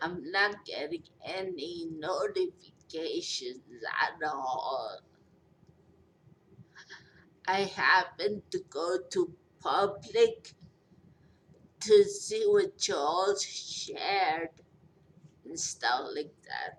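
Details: 43-year-old woman after a major stroke with long recovery, who says she is hard to understand, with repeated and garbled words; speech impairment after stroke.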